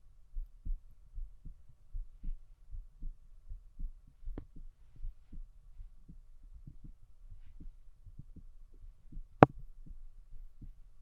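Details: A woman listens to her own heart with a stethoscope: steady, regular low heartbeat thumps, about 75–80 beats a minute, normal heart sounds.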